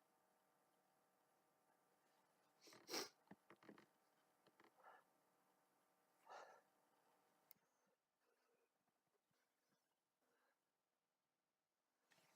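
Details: Person not sick or allergic but sneezy all day: two short, sharp sneezes with snuffling and sniffing between them in a quiet room.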